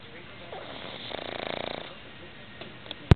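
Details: Snoring recorded right at the listener's ear: one short fluttering snore, a rapid rattling vibration under a second, then soft breathing and a sharp knock at the end.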